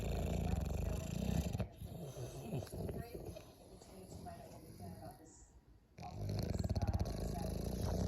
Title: Is my snoring bothering you Bless the cat? #bulldog #dogsandcats